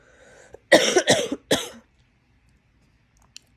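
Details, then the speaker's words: Three harsh coughs from an adult woman with a hoarse voice, sore throat, blocked left ear and recently runny nose, taking NyQuil; coughing is triggered by talking, moving or lying down. "have that cough right here and I'm going to leave it in so you guys can hear it normally I edit those out but that was perfect timing"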